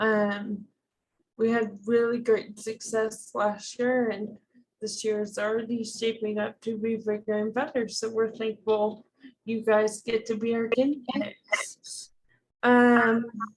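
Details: Woman diagnosed with ALS in 2014; dysarthria (ALS).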